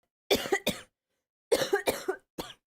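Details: Sick streamer coughing frequently all day: a burst of about six short, sharp coughs in two runs with a brief pause between.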